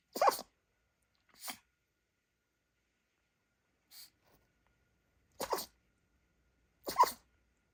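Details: Five short, sharp sneezes in under eight seconds from a dog; a sneezing fit caused by a dust particle lodged in the nose, later removed.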